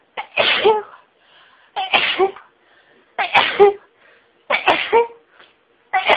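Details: Self-recorded intense sneezing fit, intensified by stifled sneezes, becoming rapid and breath-taking: five forceful sneezes about one every one to two seconds, each with a sharp intake before it.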